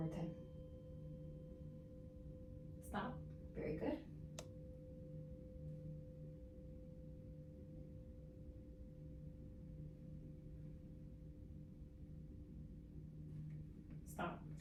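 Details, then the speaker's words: Rinne test during a nursing-practicum ear exam, tuning fork placed on the mastoid bone behind the ear: a steady, pure ringing tone that fades slowly while the patient reports when it stops. "I'm gonna do the same thing but I'm gonna put it on your mastoid bone behind your ears um so let me know when you stop hearing the sound okay"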